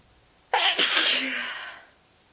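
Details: Adult with an ongoing mild cold, feeling sneezy with a sore throat, sneezes induced deliberately: a single forceful, explosive sneeze with a sharp hissing burst fading over about a second.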